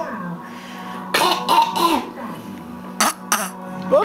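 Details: A child imitates his grandmother's throat clearing and coughing, with several short forced bursts and voiced throaty noises; background music and room noise.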